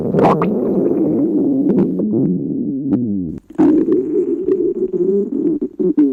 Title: stomach growling